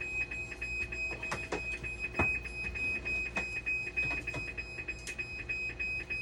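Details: A steady high-pitched electronic tone with intermittent clicks and faint room noise from a dialysis machine showing flow error and low flow error, with a faulty pump suspected during repair; dialysis machine alarm.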